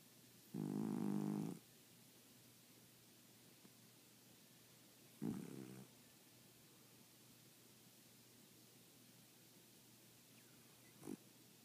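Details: Light snoring from a sleeping female, sometimes loud enough to hear from the next room: a few short, buzzing snores separated by long pauses in a quiet room.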